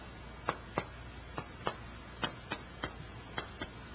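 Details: Chest percussion note during a pulmonary physical examination of a patient.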